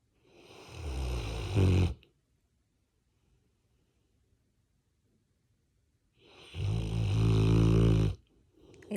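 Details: Labrador dog asleep lying on owner's body with head on shoulder: two deep, rumbling snores, each about two seconds, separated by a long quiet pause; dog snoring.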